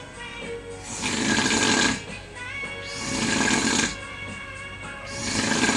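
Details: Snoring during sleep in a hotel: loud, rattling snores about every two seconds, roughly 30 a minute, with music playing in the background.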